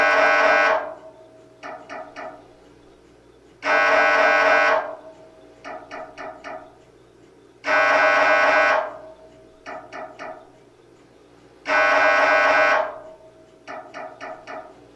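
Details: Loud buzzing MRI scanner tones about every four seconds, each followed by quick rapid knocks; sample sound to prepare patients, including children, for what an MRI sounds like.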